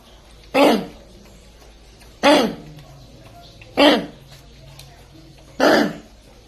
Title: Kennel Cough(ခွေးချောင်းခြောက်ဆိုးရောဂါ)